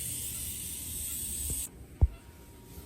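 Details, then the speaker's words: Dental micro-suction during root canal of tooth number eight in a 10-year-old girl with traumatized, cracked front tooth, pulp exposure and irreversible pulpitis signs, during MTA placement; steady high suction hiss stopping abruptly, then soft thump. "suction to get rid of the typo and then we're going to dry the canal with sterile paper points"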